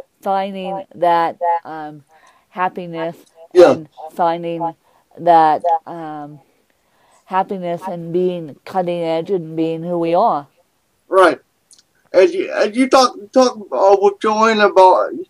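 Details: Adult woman with cerebral palsy who uses a walker; she describes her speech impediment as milder than her co-host's; mild dysarthria.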